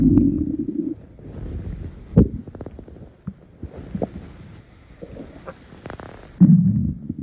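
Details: Low rumbling and gurgling with bubbling pops and a second deep growl near the end; ordinary stomach growling, a normal bowel sound.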